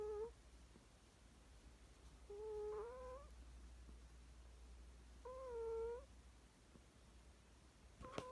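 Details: Sleeping cat under a quilt snoring: short, high-pitched whistling squeaks recurring about every three seconds with its breaths, over faint room hum.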